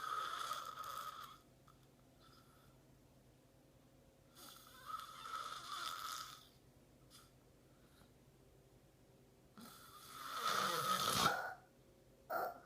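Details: Man who fell asleep mid-conversation, snoring: rattling snores with quiet pauses between breaths, some with a whistling edge and one ending in a louder snort; snoring.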